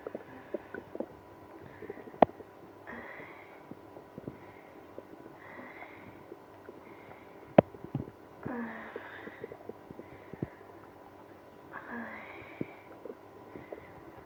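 Quiet gurgles and drawn-out growls with scattered clicks in a still room: active bowel sounds, stomach growling in someone with IBS.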